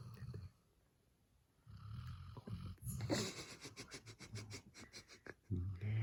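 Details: Eight-month-old male black Labrador Retriever puppy snoring loudly while asleep: loud, low, rattling snores with snorting breaths, mixed with soft room noise and brief human voices.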